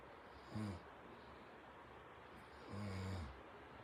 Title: The Sleepy Snoring Dog